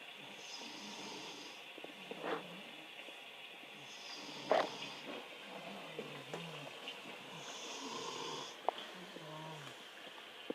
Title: Snoring?